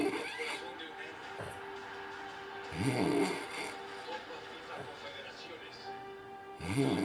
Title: Good old sleep, good old snore